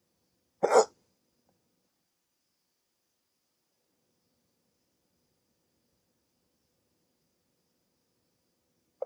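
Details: Adult with sleep apnea, just woken from sleep on CPAP treatment, during a rare 16-minute hiccup attack: a single abrupt, short hic near the start, then near silence until another at the end, roughly eight seconds apart; hiccups.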